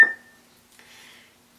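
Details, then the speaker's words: A single sharp electronic beep from a Nerveana intraoperative nerve monitor signalling a detected evoked EMG muscle response. The demonstration uses electrodes on a forearm muscle. "if the the probe touches a nerve and that neuron fires to the target muscle that's being monitored and these electrodes feel or record a corresponding muscle response then the nirvana is designed to detect that evoked response and alarm"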